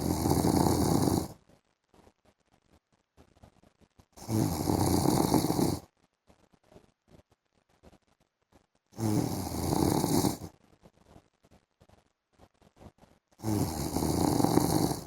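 Four loud, rasping snores roughly every four seconds, about 14 a minute, with quiet pauses between; heavy, regular sleep snoring.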